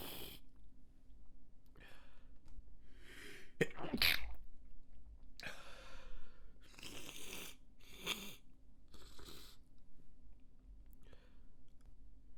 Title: Stifled Sneezes and a Snotty Noseblow